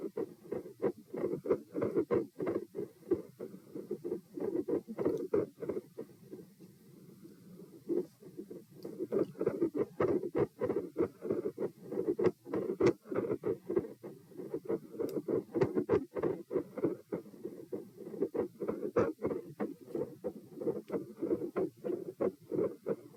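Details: Stethoscope heart sounds at position P during a lie-sit-stand-bob-stand stress test (HR 84-90-90-102-114, unusually low response): steady beats about 95/min, very phasic, loudness waxing and waning with breathing.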